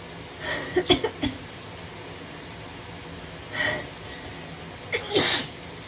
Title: Desperate sneezes in the shower (bad allergy day 2/5)